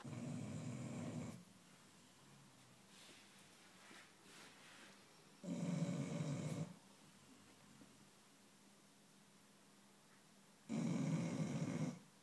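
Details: Chow Chow dog snoring loudly while asleep: three loud, rough snores, about twelve a minute, with quiet breathing between them.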